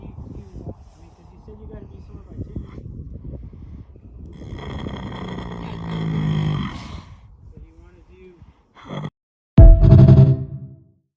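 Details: Resting horse snoring on a lazy Sunday: low, rumbling, fluttering breaths with a loud snort-like burst near the end, partly mixed with music.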